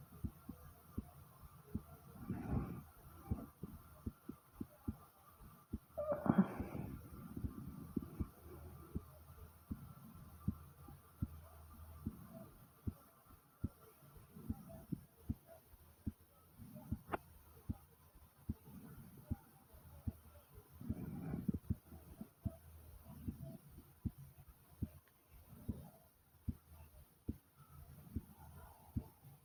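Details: Pounding heartbeat: strong, regular, low heart thumps with a couple of gurgling stomach growls and faint background hum; the stomach growled twice, a first for this person.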